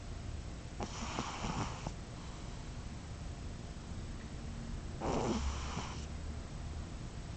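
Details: Lulu, whom the owner suspects is asthmatic, snoring during sleep: two soft, rattling snores about four seconds apart over steady room noise.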